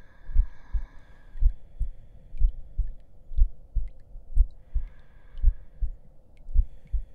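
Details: Heartbeat track in an ASMR roleplay audio as the listener lies down to rest: steady low double thumps at about 60 beats a minute, a regular heartbeat, with a faint hum behind.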